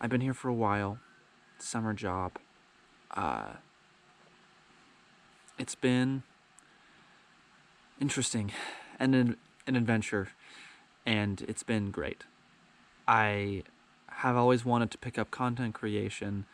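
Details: Adult man who has stuttered his whole life, with years of speech therapy; he describes the stutter as minor, sometimes getting stuck on words; stuttering.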